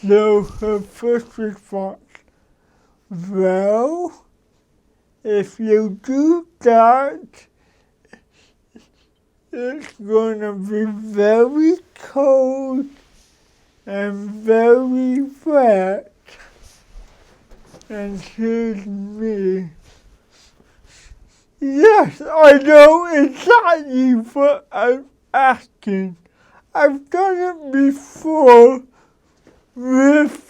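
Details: Dysarthric speech in cerebral palsy from an adult man who describes his mental capacities as sharp.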